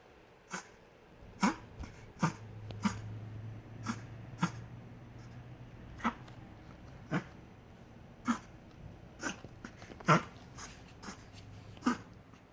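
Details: Small puppy coughing, before its teeth have all come in: repeated short, sharp coughs at irregular intervals, about a dozen in 12 seconds, over faint room noise.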